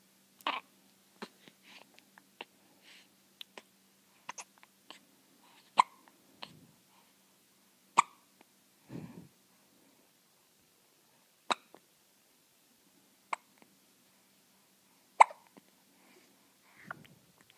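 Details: Brief, sharp, clicking gulps at irregular intervals, about eight a minute, in a quiet room, from a one-week-old: hiccups.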